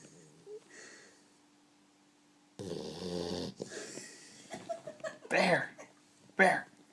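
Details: 12-week-old Boxer puppy asleep on the couch with eyes open: irregular rough, snorting breath noises, loudest in a few bursts; snoring.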